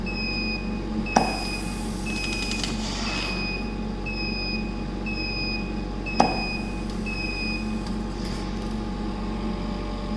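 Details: Steady compressor hum with repeated short beeps and two sharp clicks; Allied Jupiter ventilator with compressor running and delivering breaths in a demonstration.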